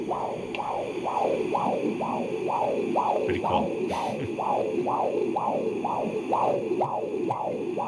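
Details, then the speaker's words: Normal fetal heartbeat picked up by a home fetal Doppler with gel applied to the abdomen: rapid, regular whooshing pulses at about 130 beats a minute. "and so I also wanted to show you here if I if I may just practically speaking of what one of these these fetal doppler are all about"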